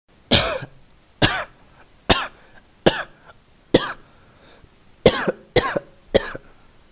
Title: Cough Voice sound effect